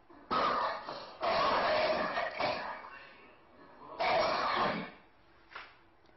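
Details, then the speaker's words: Several loud, wet coughs with rattling phlegm heard in the throat, demonstrated in a Chinese medicine diagnosis lecture on listening; productive cough. "就是有痰咳，我们听到了他咽喉间的痰音。"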